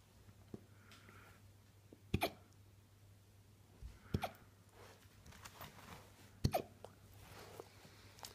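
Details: Alaskan malamute puppy hiccupping after eating dinner: three sharp, brief hiccup bursts about two seconds apart in a quiet room; hiccups.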